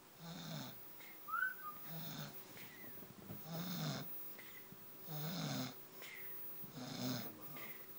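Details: Roommate snoring in his room: rhythmic rasping snores, about five every eight seconds, with a faint hum and chirps in the background.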